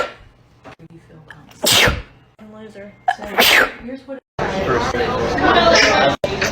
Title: sneezing compilation 3